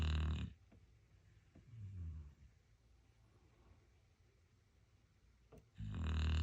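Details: Dog snoring peacefully while asleep: deep, rumbling snores at the start and end, with a softer snort between them and steady sleep breathing.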